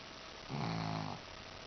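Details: Shih-tzu dog snoring: a single low, rumbling snore under a second long over quiet room noise.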